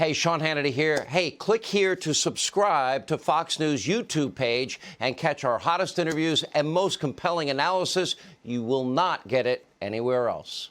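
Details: Adult man speaking; normal speech.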